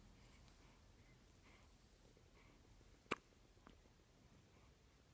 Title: Hiccups 5 days old